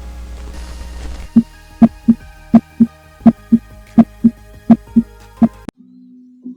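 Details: Cardiac auscultation demonstration by medical students (subject supine, torso bared; auscultation foci described): regular paired lub-dub heartbeats at about 83 a minute over soft background music; normal heart sounds.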